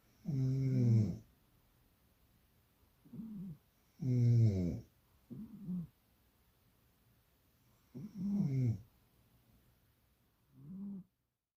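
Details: Cat that snores only when its owner snores: alternating deep, loud rumbling snores and softer, higher-pitched ones, about three cycles each; snoring from a person and a cat.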